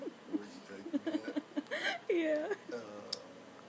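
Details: Infant makes a run of short repeated coos, then a sudden sharp, noisy sneeze, followed by a high squeal.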